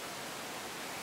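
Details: A child with stridor, a harsh, musical, sustained breath noise beginning after a brief quiet moment. The child also shows sternal recession and slight tracheal tug, looks very tired, and is on oxygen.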